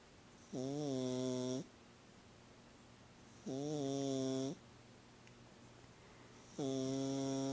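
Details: A sleeping pet cat that snores every time she sleeps snores louder than usual: snoring.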